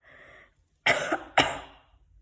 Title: “when You Cough Now Days” Comedy Video